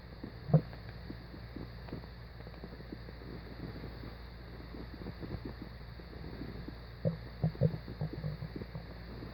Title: Stomach growling